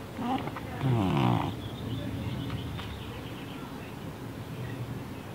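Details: Awake deaf pet cat with neurological problems and breathing problems gives a loud, low, pig-like snort, then softer rattling breath noise: stertor.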